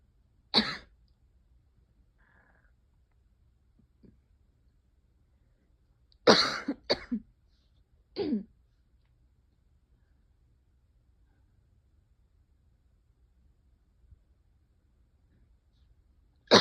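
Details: Several short, sharp coughs in separate bouts with long quiet gaps in a quiet room, alongside hiccups after eating too fast.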